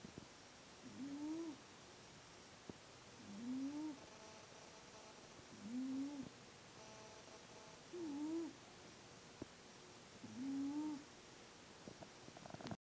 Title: Wheezing Cat